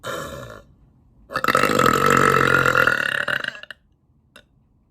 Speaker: All right, let's get that out. Okay. Short, loud, and powerful.